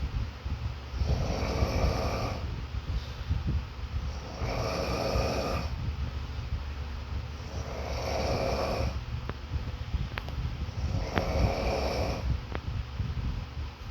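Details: Snoring background sound: slow, rhythmic rasping noises on each breath in, about every three to four seconds, with low rumbling between; snoring.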